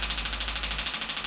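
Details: Radial shockwave device firing at the hamstring origin over the ischial tuberosity with gel, for hamstring tendinopathy, 2,500 pulses at 12 Hz and 2 bar: rapid, regular sharp clicking pulses.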